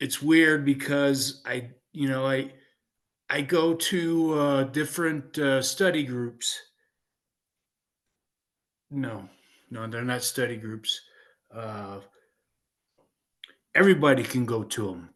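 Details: 56-year-old man with aphasia following a stroke in 2016; speech with hesitations and self-corrections; aphasia.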